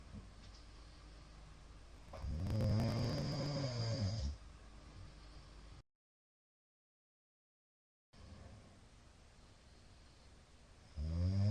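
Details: Middle-aged man's loud snoring: a deep, rattling snore lasting about two seconds, then quiet, with another snore beginning at the end.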